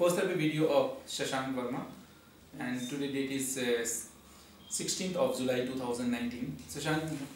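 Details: Adult man speaking; normal speech.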